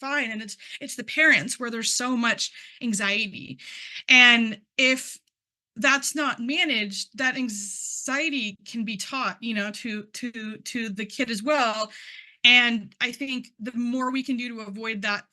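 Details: Adult man who stutters, speaking at a stuttering conference, involved in stuttering communities for about 10 years; word and part-word repetitions are audible; stuttering.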